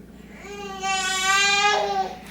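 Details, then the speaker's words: Infant crying on the first night of sleep training twin baby girls, around 1:47 am, left to cry until they fall back asleep: a single sustained wail rising and tapering off in a quiet room. "so we'll see this we will come back if the crying gets really bad if you can hear one that my babies are crying"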